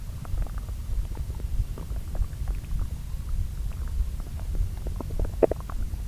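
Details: Bowel sounds recorded over two areas of the lower intestine and overlaid, digesting the previous day's meals, fairly quiet: continuous low churning and gurgling with frequent small bubbling pops; normal digestive sounds.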